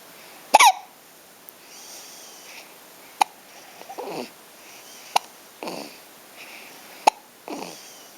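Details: Hiccups: four sharp, brief hiccup clicks about every two seconds, each followed by a soft breath or small voice sound.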